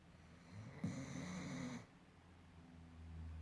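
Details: One rough, rattling breath lasting about a second, then quiet breathing, from a sleeping dog, possibly a German Shepherd: snoring.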